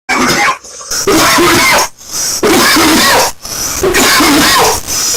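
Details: Beastmode's severe coughing fit: four long, forceful, strained coughing bursts in quick succession with voiced retching-like straining between them, coughing so hard he nearly vomited.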